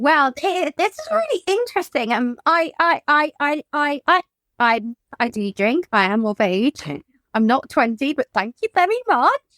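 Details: Adult woman whose childhood stammer recurred in adulthood, triggered by lockdown and the trauma of her mother's death; she also has tics. Sound and word repetitions are audible; stuttering.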